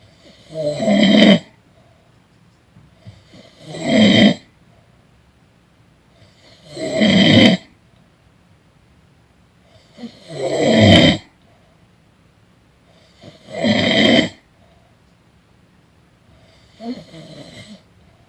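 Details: Person snoring during a nap: six loud, rattling snores at about 19 per minute with quiet room noise between; regular snoring.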